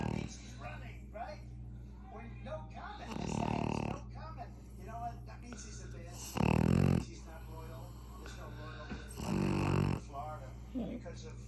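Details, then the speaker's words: Pug snoring loudly while sleeping comfortably: three loud, rattly snores about 3 seconds apart in a flat-faced dog; snoring. "that's the loudest snore for a small ugly face or a c face he's in Cloud"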